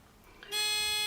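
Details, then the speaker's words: A sudden, steady high-pitched buzzing tone begins partway through. This is the acoustic no-assist alarm of a Weinmann Medumat Standard A emergency ventilator, sounding one minute after the yellow no-assist alarm during an assist-function test. "i need to see the yellow no assist alarm which is the case also here after again after one minute i will also hear an acoustic alarm now we hear the acoustic alarm so this test is also okay"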